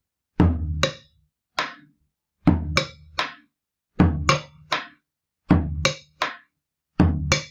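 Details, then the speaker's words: Drum-and-bell teaching imitation of an opening snap: S1 thump, then a sharp metallic click, then the S2 thump, repeating. "Los chasquidos son un poco más metálicos, por eso para el chasquido voy a usar la campana. Entonces yo escucharía, vamos a ver cómo me veo aquí, escucharía el R1, el chasquido y después el R2."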